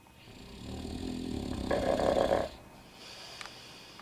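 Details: Snoring: one drawn-out, rising, rattling breath building to a rough buzz, then quiet; a single snore.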